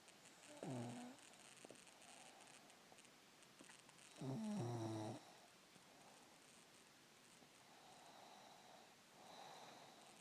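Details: Sleeping cat gives two low rattling snores separated by soft breathing in a quiet room; snoring.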